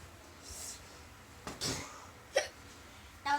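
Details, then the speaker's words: 6-year-old child with hiccups of unknown cause: three sharp, short hiccup bursts, each a sudden catch of breath, at irregular intervals in a quiet room; hiccups. "And I just hiccuped. I have the hiccups. I don't know why."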